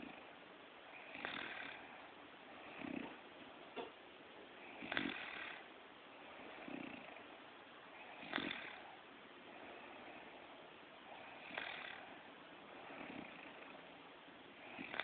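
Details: Young woman snoring, recorded on an Android phone; rhythmic rough snores on each breath, about 18 a minute, quieter breathing between.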